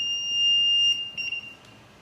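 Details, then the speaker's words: LTV ventilator in a training demonstration, plugged into an outlet with wall oxygen attached: a steady high-pitched electronic tone cutting off after about a second as the on button is pressed; power-on alarm tone. "so now let's plug it you are gonna come over here and you're gonna hit the on button to turn the ventilator on"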